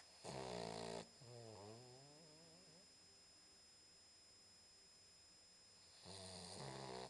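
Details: A 10-week-old Boxer puppy snoring: two snoring inhalations about five seconds apart with a soft whining sound between, against a faint steady hum in a quiet room; low-volume recording.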